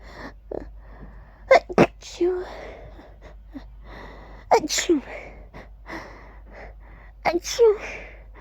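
Three sharp sneezes, each voiced as a loud "achoo", with faint room noise between them.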